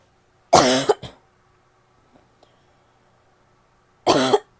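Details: Two harsh, voiced, seal-like bursts in a quiet room from a female: a barking cough.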